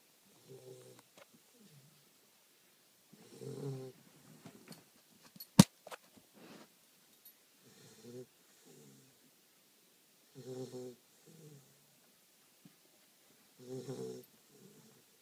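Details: 8-week-old female Doberman puppy snoring in sleep: soft, irregular rattling breaths with one sharp click; snoring.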